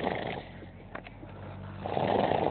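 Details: Sleeper labelled "gorilla" snoring at night, recorded on a mobile phone: low, rough, rattling breaths at the start and end with a quieter pause between; snoring.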